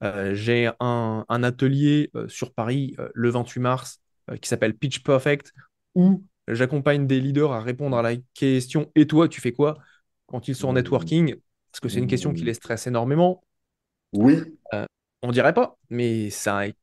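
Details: Adult man who says he has a stutter listeners may hear, though he gives conferences to hundreds of people; stuttering.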